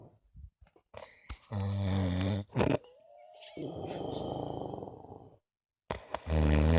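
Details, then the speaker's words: Person sleeping nearby, likened to a sleeping motorbike: loud, deep rumbling snores with a growl-like rattle alternating with long wheezy breaths out; heavy snoring. "It's a motorbike next to me. A sleeping motorbike."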